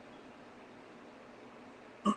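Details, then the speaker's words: An adult who has been fighting a cough for several days gives a single short, guttural throat-clear at the end of quiet room noise; throat clearing. "so yeah I keep clearing my throat because it's the uh it's the uh cough"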